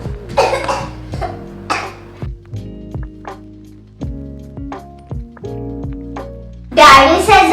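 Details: Acted child's dry coughs, short harsh bursts over steady background music, in a cough and sore throat remedy advertisement.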